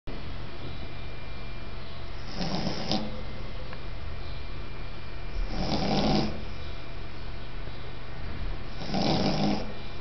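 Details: Beagle on its first night in a new apartment, asleep: three slow, rumbling snores about three seconds apart over steady room hum, roughly 18 breaths a minute; snoring.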